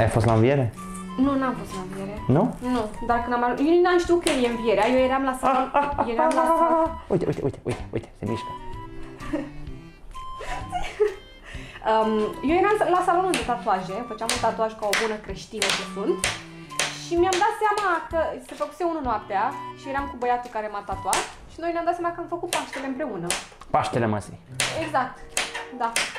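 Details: Adult speaker, Romanian; ordinary conversational speech.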